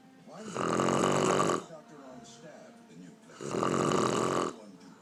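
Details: Two loud, rattling snores about three seconds apart, each over a second long, with quiet breathing out between, from an adult woman asleep after a day of drinking; heavy snoring.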